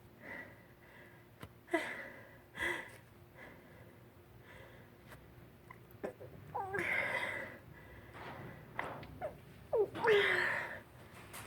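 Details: Several sharp, explosive sneezes with quick inhalations between, over a faint hum, on a windy spring day after rain; the person cannot hold them back and suspects pollen in their long hair. Repeated allergy sneezing.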